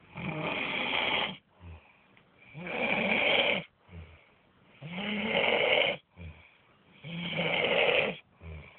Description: this guy is sleeping N snoring like earth quake.